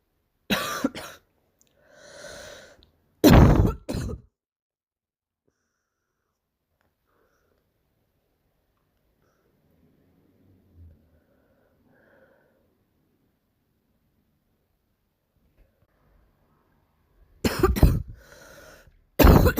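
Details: A girl with a barking cough of unknown cause, recorded with poor sound quality: short, harsh, forceful coughs in three clusters separated by a long quiet stretch.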